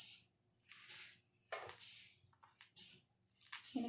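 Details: Manual blood pressure measurement: about five short, hissing squeeze-and-release puffs, roughly one per second, as a hand bulb pumps the cuff up.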